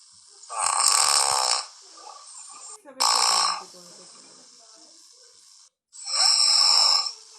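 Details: Snoring.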